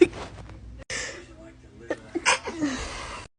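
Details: One sudden, sharp sneeze burst, followed by brief breaths and a few small voiced catches.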